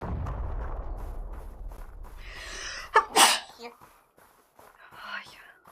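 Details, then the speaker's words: Woman, while gaming, says she needs to sneeze; a breathy build-up inhale leads into one loud, explosive sneeze, followed by faint talk and room noise; sneezing. "Блин очень не в тему чихнула и сейчас буду чихать Будь здорова заранее"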